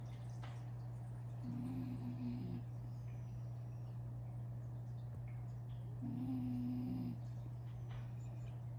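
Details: Mini doodle dog asleep after breakfast the morning after Thanksgiving, giving two low, buzzing snores about four to five seconds apart over a steady hum: snoring.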